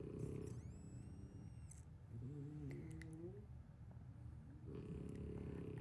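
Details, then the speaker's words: Four sleeping French Bulldogs snoring: low, rough rattling snores with a brief whistling nasal tone and a whine, heard behind someone talking. "If you can hear them snoring right now, I have four Frenchies and they have to take care of every night and every day."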